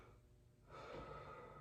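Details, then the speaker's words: Adult male patient in acute care, sitting up, takes big deep mouth breaths while a student physical therapist auscultates the posterior lower lung medial to the scapula around T7–T10 during an educational lung auscultation demonstration. "Go ahead and take a big deep breath for me through your mouth."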